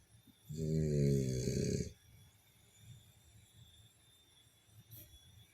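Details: Sleeping French Bulldog snoring: a single loud, low, buzzing snore about one and a half seconds long, followed by quiet breathing.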